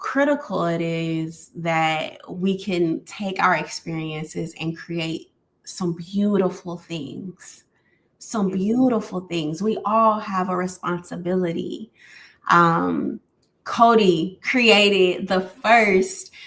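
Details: Adult woman speaking; normal speech.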